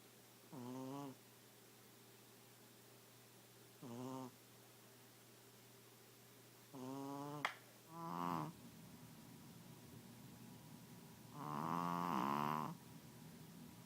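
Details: Pekingese dog Nina snoring, recorded on an iPhone, habitually loud enough to drown out the TV: short, tonal, honking snorts every few seconds with a quiet background tone.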